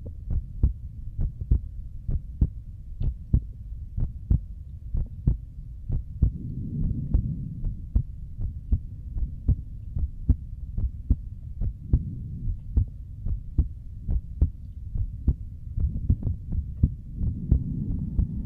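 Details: A streamer's own heartbeat picked up by a microphone during an ASMR stream, steady, regular low thumps at about 75 a minute over a faint hum; the streamer says it is beating hard, with two normal pumps then two hard ones; a normal heartbeat.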